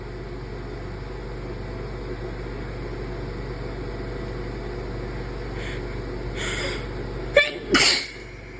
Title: random induced sneezes